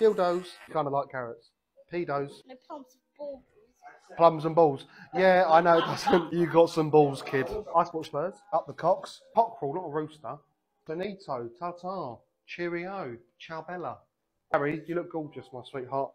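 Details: Involuntary vocal tics, including swearing and blurted words, in a 28-year-old man with Tourette syndrome, recorded on a day with particularly bad tics; Tourette syndrome vocal tics.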